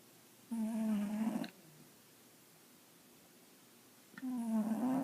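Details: Calico cat snoring while asleep: two drawn-out, low buzzing snores separated by a quiet pause, faint.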